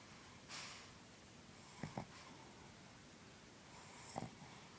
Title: Snoring and dreaming